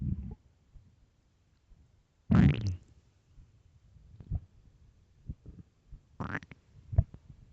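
Low gurgles and two loud, rising squeaky growls among scattered softer rumbles; stomach growling from an empty stomach, a normal sound.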